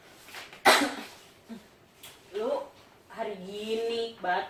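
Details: A single sharp acted cough, possibly a sneeze, in a small room, followed by talk: a staged Indonesian demonstration of cough etiquette and how uncovered coughs spread viruses and bacteria.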